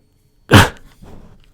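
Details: One loud, harsh cough burst followed by softer breathy noise, from a person who says they are sick: cough.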